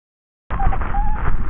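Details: Lung sounds through a stethoscope in a respiratory auscultation teaching series; the added sound was judged by at least 8 of 10 respiratory specialists: breath noise with brief musical, whistling tones; adventitious breath sound.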